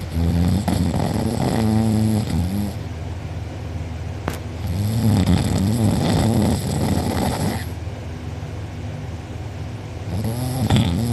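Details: Snoring from a sleeper who was out cold, recorded by a family member; mouth open and drooling, with a sore uvula and soft palate afterward. Loud, rough, vibrating snores on breathing in, with steady low background noise.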